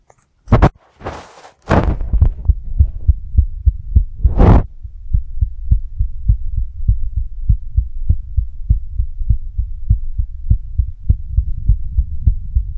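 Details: Female's heartbeat with visible throbbing neck pulse: steady low thumping at about 100 beats a minute after a few brief handling noises; normal heartbeat.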